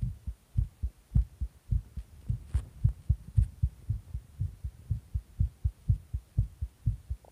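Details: Heartbeat after taking stimulants: fast, paired low thumps at about 120 beats a minute, a rapid heartbeat.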